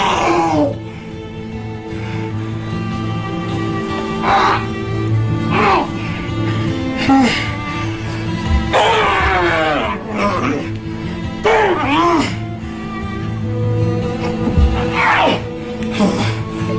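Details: Young man with severe Tourette syndrome, often lying on the floor with a towel-like object in his mouth to muffle uncontrollable screams that may sound like pain but do not necessarily hurt; vocal tics (screaming) in Tourette syndrome.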